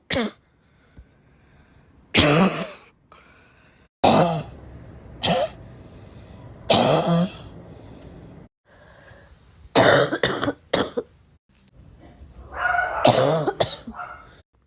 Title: i really love my own cough… is that normal?